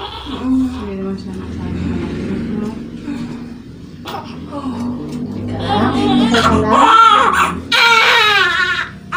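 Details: Real delivery: newborn's loud, high-pitched cry in bursts just after a midwife-attended normal vaginal birth of the mother's second baby, with adult voices and music behind; manual removal of a retained placenta is queried.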